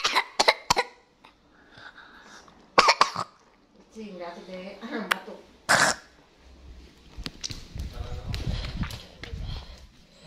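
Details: Sick child coughing in several sharp bursts, with soft speech and household noise between them.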